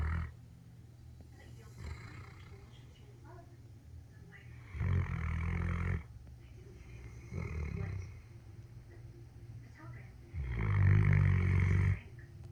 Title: 7 months old Great Dane snoring